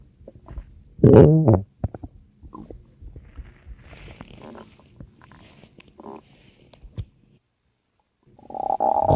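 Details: Low gurgling and rumbling bursts, loudest near the start and end, from gas and fluid moving through the bowel; ordinary stomach growling (borborygmi).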